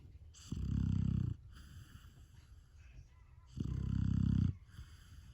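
Low, vibrating snores roughly every three seconds, softer snuffly breaths between; snoring in a sleeping puppy.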